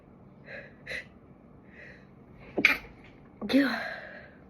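Two soft inward breaths, then two sharp sneezes in a quiet room; ordinary sneezing.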